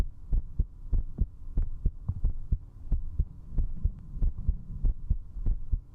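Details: Woman's strong, quick heartbeat at about 94 beats per minute over a steady hum, recorded at zero distance with a 3Dio binaural microphone for ASMR while drinking alcohol; fast heart rate from drinking.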